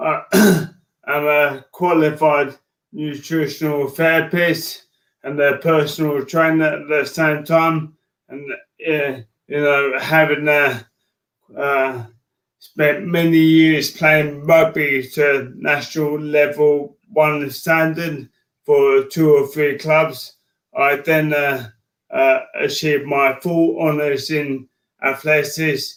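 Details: Man diagnosed with motor neurone disease in January 2018; his speech became slow and slurred as an early sign of the disease, alongside frequent tripping. Dysarthria (motor neurone disease).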